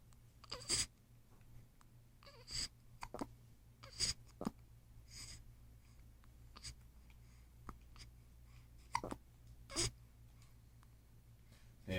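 Brief, sharp catching sounds recurring every second or two at uneven intervals in a quiet room; hiccups.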